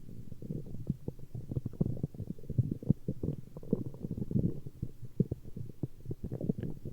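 Continuous low gurgling and bubbling with rapid irregular pops; ordinary stomach growling from gas and fluid moving through the gut.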